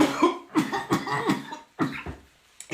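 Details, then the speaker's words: Adult woman with a persistent dry cough: a series of short, harsh dry coughs with no mucus rattle. "je au bout de ma vieors là j'arrête pas de tousser c'est une toussèche encore en plus c'est une catastrophe"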